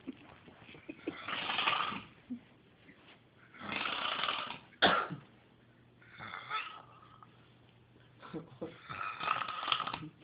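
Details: Very loud snoring: rattling, raspy snores about every two and a half seconds, roughly 23 breaths a minute, with small mouth noises between them.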